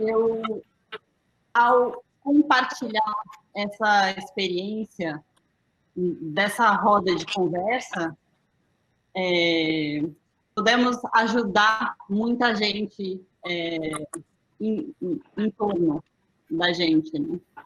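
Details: Aphasia after a stroke in December 2016 in a woman, about three and a half years post-onset, still finding figurative language difficult and needing slow speech from others; aphasia.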